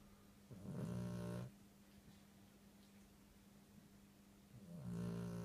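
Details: Tired snoring: two low, buzzing snores about four seconds apart over a steady background hum.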